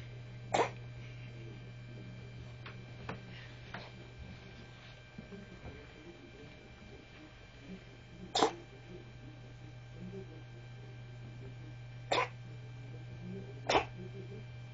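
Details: Cat gives four short, sharp hacking coughs spaced irregularly over about fifteen seconds; owner suspects coughing up a furball.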